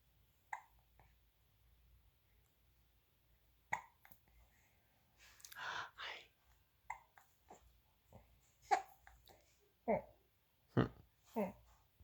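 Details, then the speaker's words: Infant girl hiccuping while awake and smiling, playing with her feet: quiet, sharp, brief catches every second or two amid soft infant sounds. "You're doing your hiccups."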